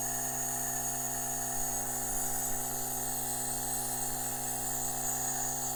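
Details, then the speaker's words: Nebulizer compressor just powered on, producing a little mist of nebulized iodine, hydrogen peroxide and water: steady loud mechanical hum and buzz without pauses. "we're going to turn on the power read your minds on the side and immediately it starts putting out a little steam really little nothings not picking it up as well as I'd like but you can kind of get an idea of it and I'm just putting them out"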